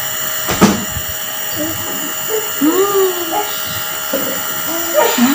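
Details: Steady low mechanical hum of a nebulizer running for a baby with cough and cold, soft infant sounds and a brief knock over it.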